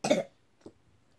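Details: Child coughing on request during a check for illness: one short, forceful cough followed by a faint softer sound.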